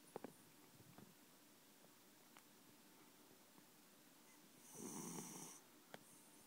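Quiet room with faint clicks, then one broad, rough, noisy breath lasting under a second, a snoring breath from a sleeping cat.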